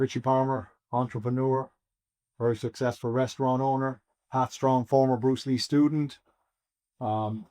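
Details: Adult male; normal speech.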